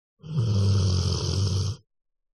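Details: Snoring: a single long, low, rattling snore lasting about a second and a half.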